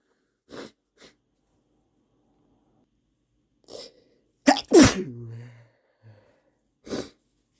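Sniffles build to one forceful sneeze with a voiced trailing sound, then more sniffing and a short nasal blow.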